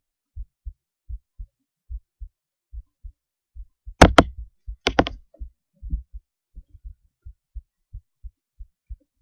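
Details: Human heartbeat recorded through a cheap acoustic stethoscope: steady, regular paired lub-dub heart sounds at about 75 beats a minute, briefly interrupted by scratchy stethoscope handling noise.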